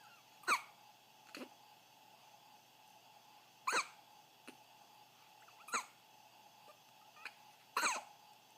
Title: 2:30 AM.... Those darn hiccups. Believe it or not, they are